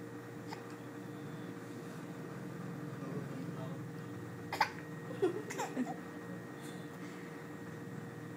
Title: says AHH + Hiccups